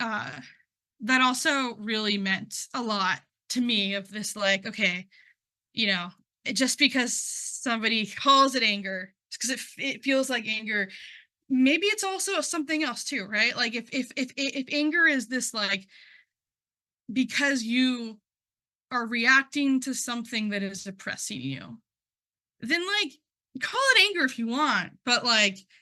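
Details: Adult who stutters, involved in stuttering communities for about 10 years, presenting at a stuttering event; repetitions of words and part-words heard; stuttering.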